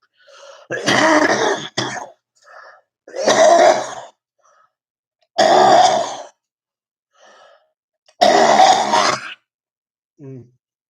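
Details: Cough with throat clearing.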